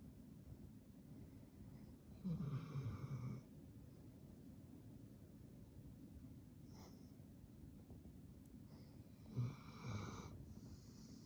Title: Labrador snores so loud omg 😦 you can’t hear your thoughts 👻🤣 #sleeping #loud #hilarious